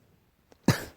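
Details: A single short, harsh cough after a faint intake of breath; tagged allergy.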